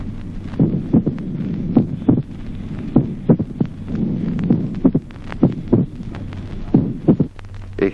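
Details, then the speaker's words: Slow atrial fibrillation with mitral opening snap: slow, irregular heartbeat with a sharp extra click soon after the second sound; long-interval and short-interval opening snap examples. "ejemplo 16 chasquido de apertura mitral de Gran intervalo en la fibrilación lenta ejemplo 1o chasquido de apertura Mistral de intervalo breve en la fibrilación lenta"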